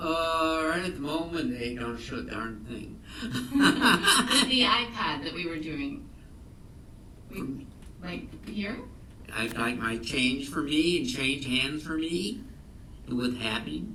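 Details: Adult man from an aphasia group, presented as a case of severe aphasia with impaired comprehension, real Wernicke's aphasia (fluent aphasia).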